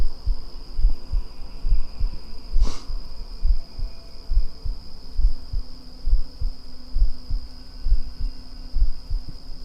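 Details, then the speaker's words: An adult's heartbeat recorded for ASMR: steady low thumps at about 67 beats a minute, with loud crickets chirping in the background. "Heartbeats. Can you hear my heartbeat? Can you hear my lungs?"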